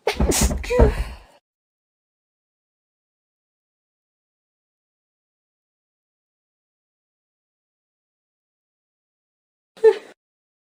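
A sharp, explosive sneeze at the start, then long silence and a brief faint vocal sound near the end.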